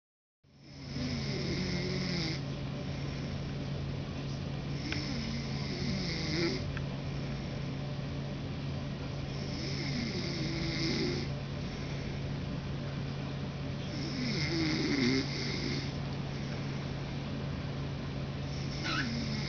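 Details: Man snoring: steady low droning snore with repeated rattling bursts about every four to five seconds over constant background hum.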